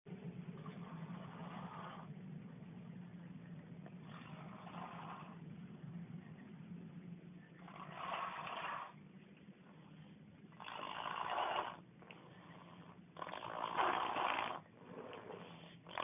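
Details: Very loud snoring during sleep, with recurring rough or harsh fluttering snore sounds on each breath about every three seconds.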